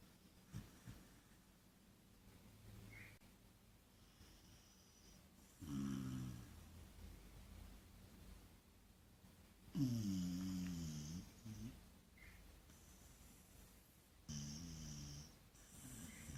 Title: Sleeping Puppy Snoring